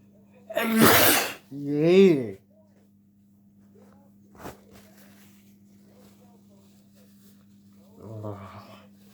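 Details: A single loud, explosive sneeze followed by a brief voiced sound, then quiet with a steady hum.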